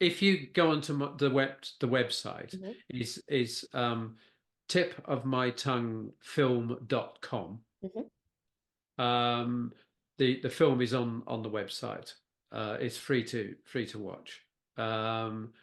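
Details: Post-stroke aphasia in a man who had a stroke at work at age 69, affecting his speech and writing, with persisting word-finding problems.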